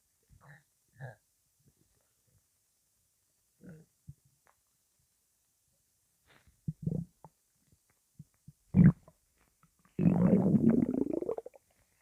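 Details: Intense stomach rumbling: scattered gurgles and low squelching bursts building to a long, loud rolling growl near the end; normal borborygmi.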